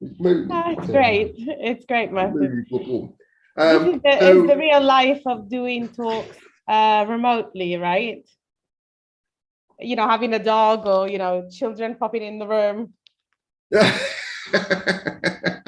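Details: Adult speaker; normal speech.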